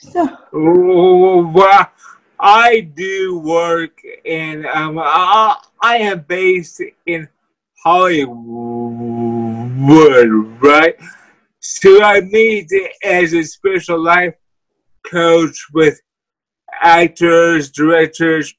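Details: Dysarthria in a guest with cerebral palsy who uses a wheelchair.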